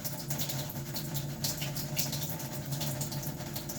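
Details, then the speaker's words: Continuous wet, rhythmic bristly scrubbing with lather as a brush scrubs the inner forearm during a demonstrated surgical hand scrub in a practical assessment, one arm only. "wet the brush some more if it needs a lot more lathering give it a good scrub we're coming into the inner side of the forearm"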